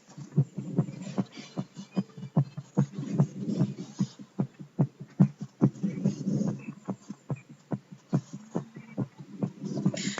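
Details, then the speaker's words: Stethoscope auscultation of a student right after racing: quick, regular lub-dub heart sounds, a normal fast heart rate after hard exercise. "so i'm just going to give you guys the heart zone of somebody or a student that was racing so basically this is how your heart sounds after exercising or hard physical activities"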